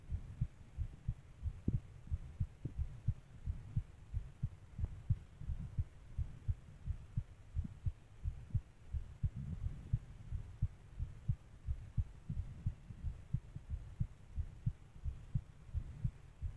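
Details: Steady, low, thumping fast heartbeat at about 88 beats a minute over a faint hum.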